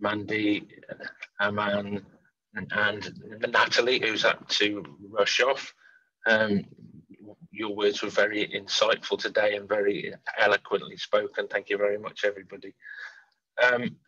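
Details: Adult man who stammers, speaking openly with his stammer; stammering.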